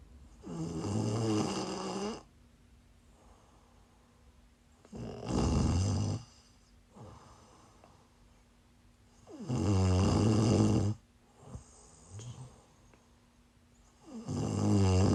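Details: Live-streamed sleep recording of a sleeper who is sick: loud, rough, rattling snores on each inward breath, about 13 a minute, with a faint room hum; snoring during illness.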